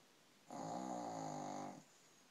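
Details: A single drawn-out, buzzing, vibrating breath sound of about one second; snoring.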